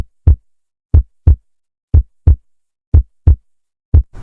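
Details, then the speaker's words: Normal heart at the mitral focus (fifth intercostal space, midclavicular line): regular paired lub-dub sounds at about 60 beats a minute with quiet pauses between beats. "Foco mitral se encuentra localizado en el quinto espacio intercostal, en la línea medio clavicular. Así se escucha un corazón normal."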